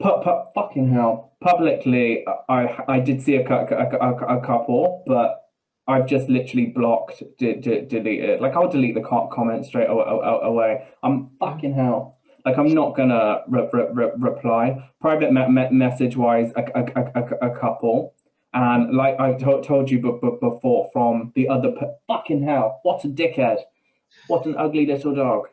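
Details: Tourette syndrome vocal tics with coprolalia, involuntary swearing and blurted phrases, in a man who also has a stammer that worsens under stress.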